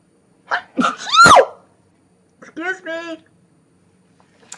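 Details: Woman announces she is going to sneeze, wonders if she is getting sick; a quick sharp sneeze with brief intake beforehand, then short voiced sounds; single sneeze.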